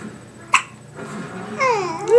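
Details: Baby at bedtime, sleepy and fussing: a single sharp hiccup, then voiced babble-like sounds; hiccups.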